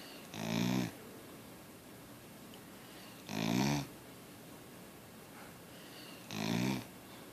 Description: Gracie the Australian Cattle Dog puppy snores when she sleeps.